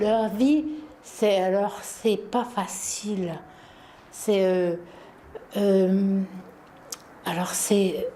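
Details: French-speaking woman with aphasia after a stroke in 2010; comprehension is intact, but words and sounds escape her and sometimes get jumbled; aphasia.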